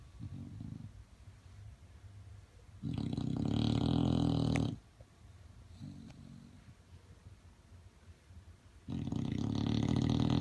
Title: Very loud snore